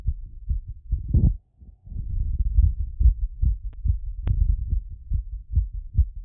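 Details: Stethoscope auscultation of the heart after a workout plus squats: fast, forceful heartbeat, roughly 140 a minute, with some rubbing noise, a quickened heart after exercise.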